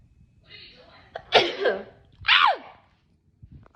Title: How to sneeze nonstop! ( Part 32)